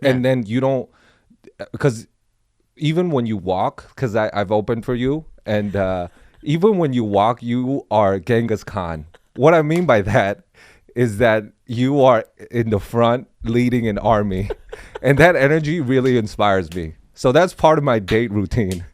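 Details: Adult male speaker; ordinary speech.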